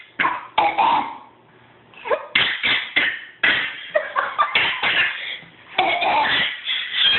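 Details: Two children in a small room coughing at each other in turn: repeated short, sharp coughs with laughter between.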